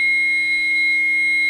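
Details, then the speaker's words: Training AED on a simulated adult cardiac arrest after the "shock advised, charging, everyone stand clear" prompt: a steady, high continuous warning beep while the device charges before delivering a shock. "AED prompt- [Shock advised, charging, everyone stand clear] Make sure everyone's clear."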